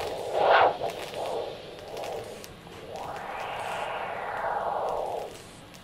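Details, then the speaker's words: Handheld ultrasound Doppler over the radial artery at the base of the thumb, cuff on the forearm, during blood pressure measurement in a patient with a ventricular assist device: soft alternating whooshing flow swells without a distinct pulse beat. "if you have difficulty hearing the sound adjust the position of the ultrasound head until the alternating whooshing sound is heard"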